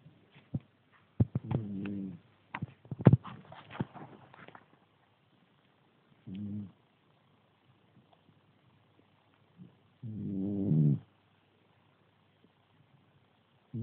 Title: Cat snoring like a man